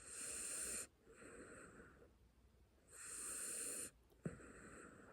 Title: Puppy sleeping noises #puppy #calm #bedtime #trending #fyp #viral #snores #penny #cute #dogs